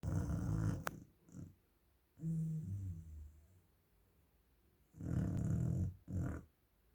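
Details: Sleeping dog: very loud, deep, rumbling snores in repeated bursts with quiet pauses between breaths; snoring.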